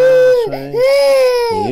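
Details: 18-month-old girl with walking and balance problems attributed to birth trauma, crying during a chiropractic adjustment: loud, high-pitched wailing in two long bursts with a brief breath between, a clear, strong child's cry.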